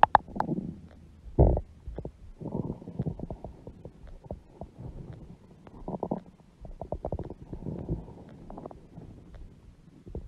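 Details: Bursts of gurgling, bubbling rumbles and clicks from a woman's large belly; ordinary bowel sounds, stomach growling (borborygmi).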